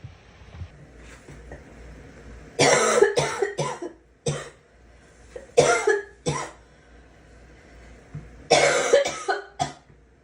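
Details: Girl coughing: three bursts of two to four harsh coughs each, with quiet room noise between them; repeated coughing in a child.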